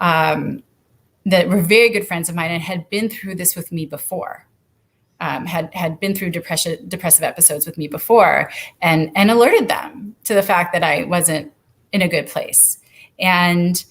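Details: Adult woman speaking; typical speech.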